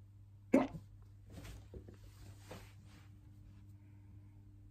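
A single sharp, abrupt catch followed by quiet breathy sounds over a steady hum, fitting a hiccup.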